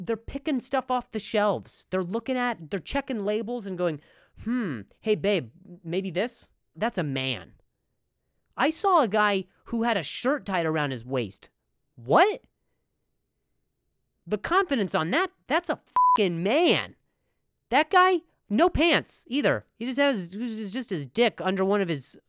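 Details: Adult man, monologue; stuttering.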